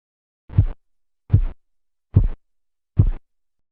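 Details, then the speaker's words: Manual blood pressure measurement over the brachial artery as cuff pressure falls after opening the valve: four regular low tapping thumps at about 72 a minute, phase 1 Korotkoff sounds marking systolic pressure in adults and children. "Estos sonidos corresponden a la fase 1 de los ruidos de Korotkov e indican la presión sistólica para adultos y niños."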